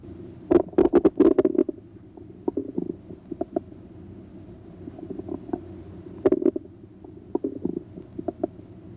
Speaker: listen for bowel sounds by placing the diaphragm of the stethoscope gently on the right lower quadrant listen to their pitch quality and